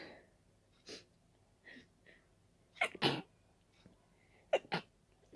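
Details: Allergic sneezing from dust while cleaning: repeated sharp sneezes after short breaths in, some in quick pairs, with quiet between them.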